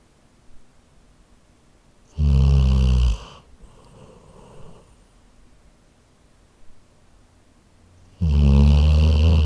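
Loud, low rattling snores on each breath, about six seconds apart, with quiet breathing between; a sleeping dog snoring.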